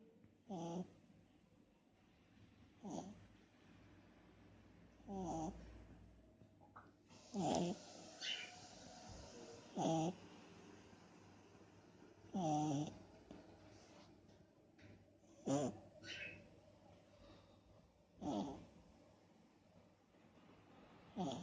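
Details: Sleeping beagle puppy: soft, regular snorting snores about 21 times a minute in a quiet room; ordinary snoring.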